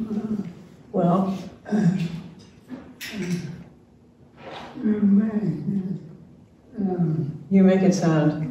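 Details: Adult man diagnosed with ALS in late 2021, with neurologic jaw clonus causing jaw trembling; his wife translates his speech; real patient; dysarthria (ALS).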